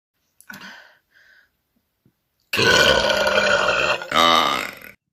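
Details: A couple of small gulps, then a long, loud, rumbling belch with a second burst at the end; burping.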